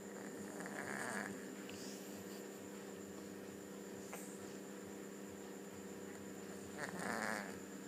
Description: Cat snoring while sleeping..